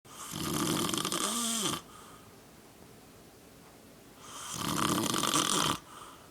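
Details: An old man who snores all the time and falls asleep almost instantly: a loud rattling snore on each breath in, with quieter breathing between, about two breaths in six seconds.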